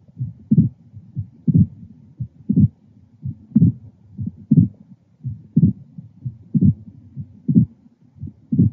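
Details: Man with constrictive pericarditis, auscultated at the left lower sternal border: regular heart sounds about 60 a minute, with a high-pitched sharp early diastolic sound after S2 each cycle; a pericardial knock.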